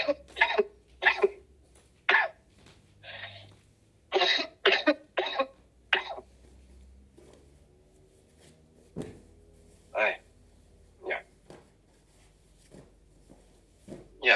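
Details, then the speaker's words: An adult has a coughing fit of about a dozen harsh bursts, strong at first, then weaker and more spaced out, in a quiet room; a cough described as better than before but intermittently turning dry again. "Esa tu tos no me agrada. Para nada."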